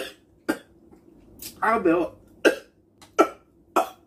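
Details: Adult coughing from spiciness while eating spicy ramen and kimchi fried rice: several short, sharp coughs in quick succession with a brief voiced utterance between them.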